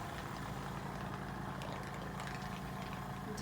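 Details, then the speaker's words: Simulated skills-lab suctioning of a restless patient, after hyperoxygenation: the suction machine is switched on for testing, giving a steady low motor hum with a faint rattle. "and then at this time I'm going to test out my suctioning machine by turning it on"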